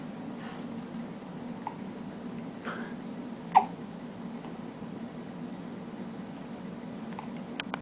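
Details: One-day-old baby boy with hiccups, not upset: soft, brief catching sounds at uneven intervals, about five in eight seconds, over steady room hum.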